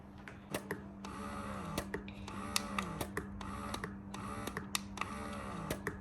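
A steady motor hum with rhythmic rising whirs and sharp clicks each cycle, heard in a small room: an electric breast pump at work.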